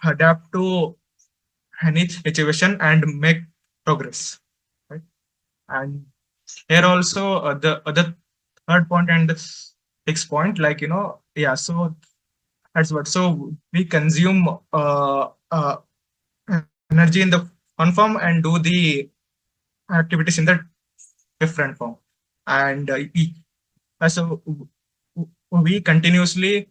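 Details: Man who stutters, presenting for a stammering association at a stuttering conference; he reports difficulty speaking, especially with different people; real stuttering.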